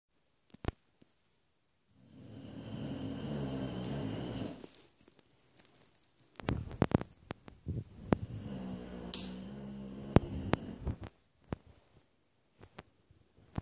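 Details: Boxer dog sleeping: two long, low, rumbling snores with snorting, fluttering breaths and scattered clicks and knocks; loud snoring.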